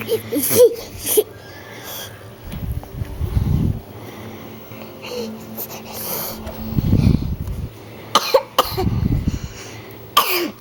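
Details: A young child gives about five short, sharp cough bursts between stretches of noisy breathing in a small room; cough.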